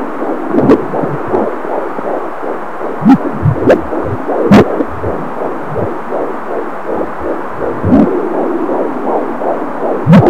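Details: Fetal heartbeat at 18 weeks gestation recorded with an Angel Sounds fetal Doppler: rapid, even whooshing gallop about 150 beats a minute, within normal range.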